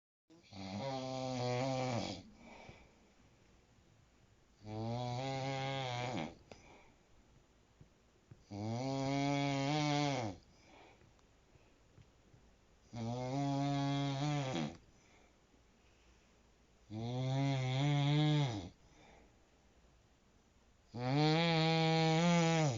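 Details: Loud, rhythmic, strongly voiced snores recurring about every four seconds, roughly fifteen per minute; snoring.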